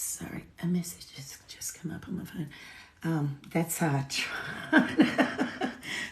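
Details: Woman with essential tremor, voice tremor worse than usual today after two days of drinking alcohol, with alcohol withdrawal shakes on top of her essential tremor; essential tremor voice tremor.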